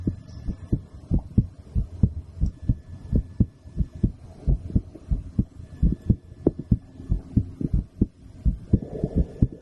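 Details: Adult female's own heartbeat recorded with a stethoscope after a blood draw, steady low thumping, fairly quick, with a faint hum behind it.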